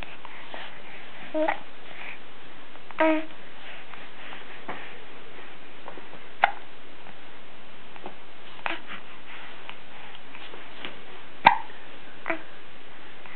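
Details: Child with hiccups, recorded as a message to grandparents: brief, sharp, irregular catches in the breath, about 12 a minute, over quiet room noise; hiccups.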